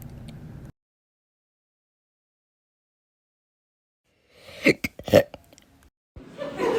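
Several brief, abrupt throaty catches between long pauses, with soft breathing sounds; hiccups.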